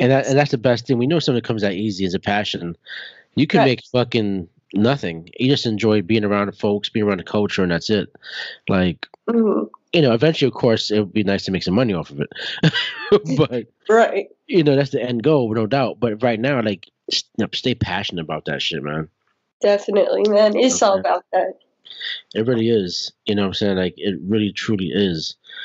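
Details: Adult man speaking; normal conversational speech.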